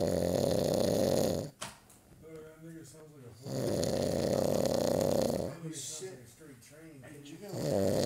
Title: Grizzly Snore! (STx)